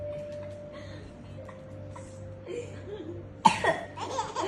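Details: An older brother gives a sudden cough burst, followed by his little sister's laughter, over a soft background hum.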